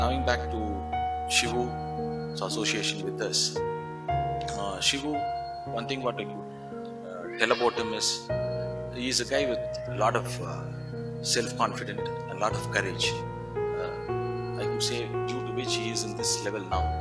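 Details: Adult man speaking; ordinary speech.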